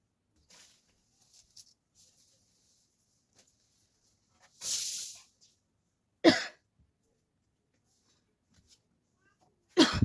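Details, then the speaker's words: Deliberate coughing-challenge performance in a hot room with the fan off: three separate forced coughs, the first a longer breathy burst, then two sharp ones; acted, not illness. "Guys खासी हो रहा है उसके साथ जो है मुझे पसीना भी बहुत आ रहा है आप लोग देख सकते हो"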